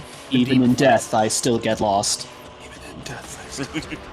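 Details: Male streamer's self-reported echolalia, which he calls a speech issue that he tries to control; the microphone picks up repetitions that went unnoticed in person.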